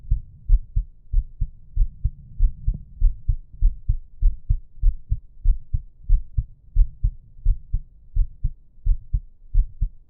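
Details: Steady paired low thumps at about 95 per minute with breathing sounds; a normal resting heartbeat.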